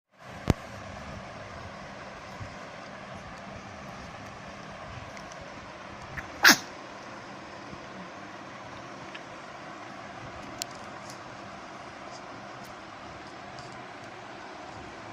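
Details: A person sneezing and staring: one brief, sharp sneeze over a steady background hum, with a faint click just before it.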